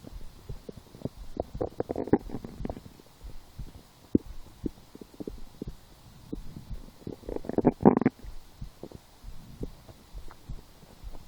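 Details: Irregular gurgling pops and rumbling bursts of stomach growling (borborygmi), with louder clusters near the start and after the middle. The person had skipped breakfast, had a small lunch, ate two doughnuts four hours later, then lay down feeling hungry.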